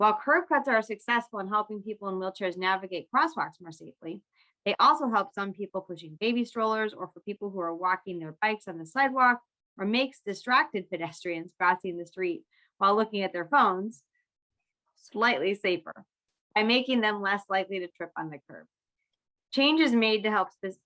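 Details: Adult woman; typical speech.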